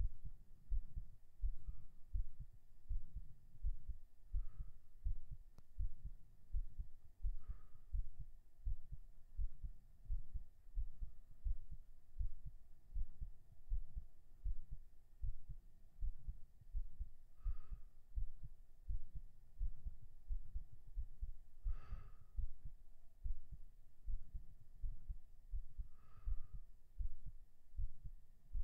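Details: Binaural recording of steady low heart thumps at about 83 beats a minute, a normal heartbeat shortly after 37 push-ups.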